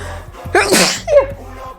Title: Sneezing